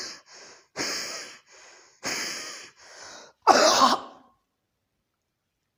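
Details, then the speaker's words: An adult imitates an elderly patient's cough: strained, noisy wheezing breaths out, as if exhaling is difficult, ending in a harsh, loose cough bringing up phlegm with brief relief afterward; wheezing followed by productive cough. "सांस व्हीजिंग साउंड, पहले व्हीजिंग साउंड्स होगी खांसने से पहले, 2-3 बार पेशेंट, 3-4 बार जो पेशेंट है वो व्हीज करेगा, सांस उनको देख के ऐसे लगेगा कि सांस छोड़ने में उनको दिक्कत होगी, और उसके बाद खांसी आएगी जिसके साथ ही बलगम बाहर निकलेगा और उनको थोड़ी देर के लिए आराम मिल जाएगा।"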